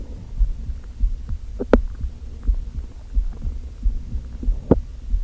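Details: Hunger stomach growling (borborygmi) after not eating all day, with only coffee and with hunger pangs and a headache. Low, irregular rumbling with intermittent gurgles and a couple of sharper bubbling squeaks.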